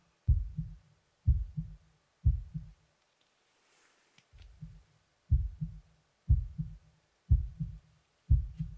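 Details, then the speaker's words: Steady, low, muffled double thumps through a stethoscope, about 60 per minute, with one brief softer beat; real heartbeat in an ASMR simulated check-up, pulse later described as a bit fast; heartbeat. "Alright, let's start the first examination. I'm going to be listening to your heart and lungs."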